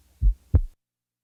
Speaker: when the first sound is softer than the second the impression is that of going up the musical scale